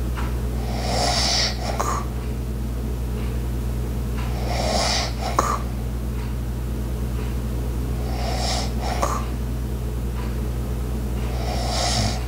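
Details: Light ASMR snoring: soft, breathy snores about every four seconds over a steady room hum, with faint ticks in the background; light snoring.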